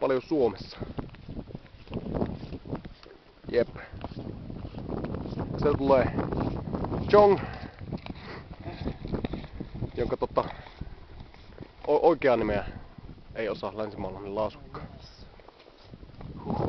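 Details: Adult man who stammers, speaking Finnish outdoors while on the Great Wall of China; stuttering.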